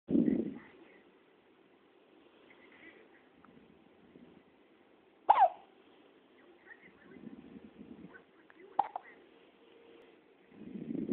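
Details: Two sharp, brief hiccup sounds several seconds apart over quiet breathing and soft noises: hiccups.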